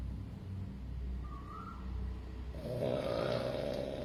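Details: Male French Bulldog born August 2020 snoring: a low rumbling breath, then a louder rough, buzzing inhalation typical of a short-nosed dog.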